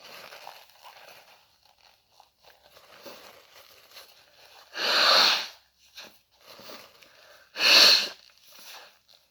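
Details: Soft sniffing and breathing, then two loud sneezes several seconds apart, followed by nose blowing; the sneezes were deliberately induced, without a cold.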